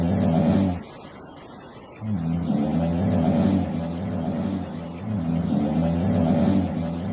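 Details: Loud, rough, rumbling snoring repeating with a pause between cycles, from a sleeping woman.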